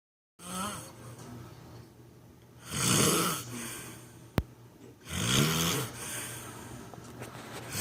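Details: Loud snoring: two loud, rough snores about two and a half seconds apart, with quiet breathing between them in a small room.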